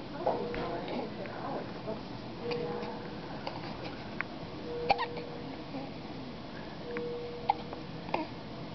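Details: Infant lying in a NICU crib, now feeding, with a hiccup episode: soft, sharp little catches every few seconds over background room noise: hiccups.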